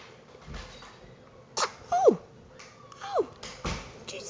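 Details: Newborn baby girl, 7 weeks old, just woken and seemingly overwhelmed, gives small sneezes with brief squeaky cries amid quiet room noise; sneezing.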